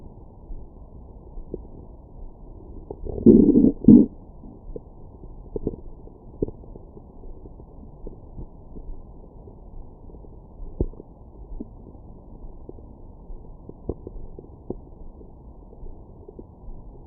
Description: My #StomachGrowls after breakfast.